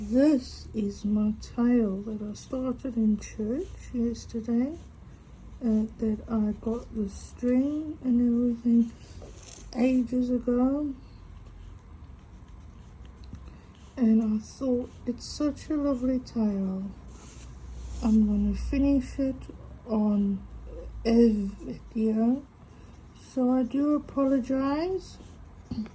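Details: Adult female with a stutter mainly on vowel-initial and W words and long phrases, coping with breathing techniques and a stuttering device on her phone: stuttering.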